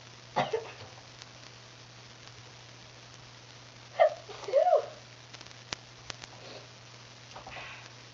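A few short, muffled sneeze bursts against a steady low hum of background noise.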